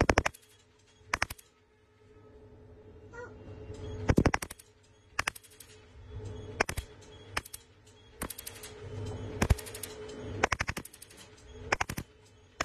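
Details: Cosmetic laser freckle-removal treatment in a clinic: sharp snapping clicks in short bursts, some in quick doublets, over a faint hum; laser pulses firing on the skin.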